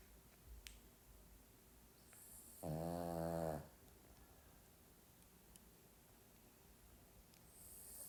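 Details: Sleeping Pomeranian dog snoring: one brief, buzzing, rumbling breath sound in a quiet room.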